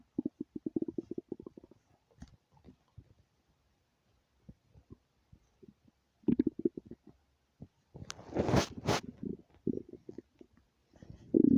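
Gurgling, bubbling rumbles and clicks from the belly, typical active bowel sounds of a rumbling stomach.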